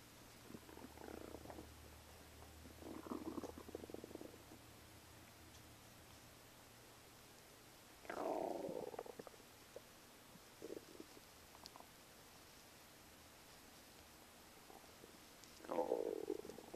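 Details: Own stomach recorded in the morning: low, irregular gurgling rumbles in several bouts over quiet background hiss, stomach rumbling as gas and fluid move through the gut.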